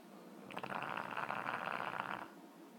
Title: French bulldog snoring